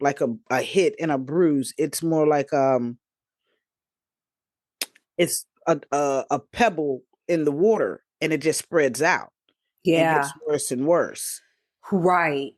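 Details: Adult female stroke survivor and aphasia advocate with aphasia after stroke; post-stroke aphasia.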